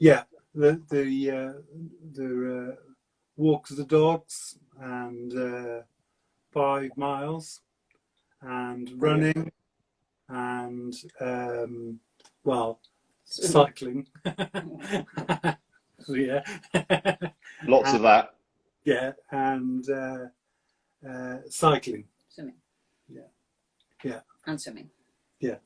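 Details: Man with aphasia for seven years since a stroke at age 50, speaking in fragmented, non-fluent speech; non-fluent aphasia.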